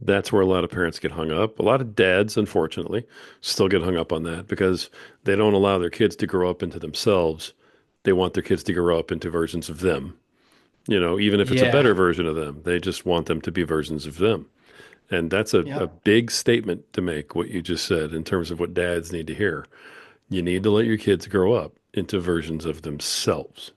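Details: Adult male speaker; typical speech.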